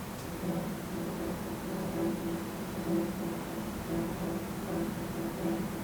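Soft, evenly spaced low thumps under steady hiss, filtered to be audible: a normal resting heartbeat recorded inside the ear canal.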